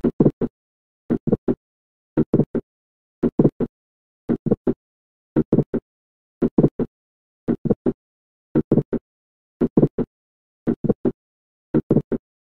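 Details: Multiple systolic clicks, with more than one click in systole; such clicks may be accompanied by a late systolic murmur due to mitral regurgitation.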